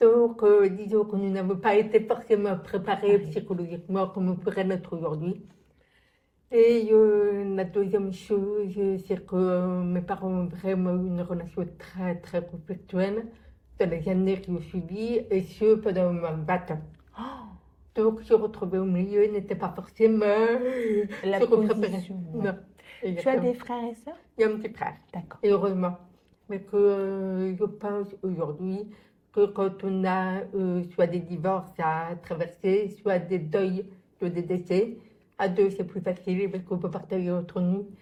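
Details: Adult woman, born profoundly deaf (prelingual), raised with thousands of hours of speech therapy, lip-reads, and has been understood by others only since about age 12; deaf speech (prelingual profound deafness).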